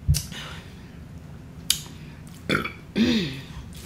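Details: Burping during a mukbang eating vegan Cuban chorizo stew and plantains: a short, low, throaty belch near the end, preceded by quieter clicks and mouth sounds over a low room hum.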